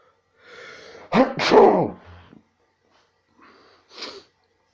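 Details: A drawn-in breath, then a loud forceful sneeze, followed about two seconds later by a quieter second sneeze; repeated sneezing.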